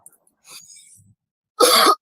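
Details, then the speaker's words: Adult woman with a lingering cough for two or three days after a really bad cold: after a quiet stretch with faint rustling, one sharp, forceful cough. "please forgive my cough been trying to get rid of it for the past like two or three days and prior to that I had a really bad cold"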